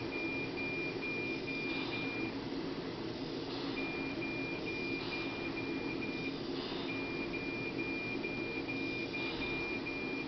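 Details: Neonatal mechanical ventilator in SIPPV mode, supporting every breath attempt the baby makes, however weak: steady machine hum with rhythmic breath-like whooshes and runs of repeated high beeping.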